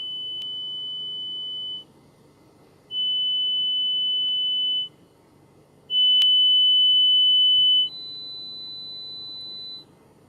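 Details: Korean hearing-test mobile app: steady high pure tones of about two seconds each, varying in loudness, with a final tone at a higher pitch; pure-tone audiometry test tones.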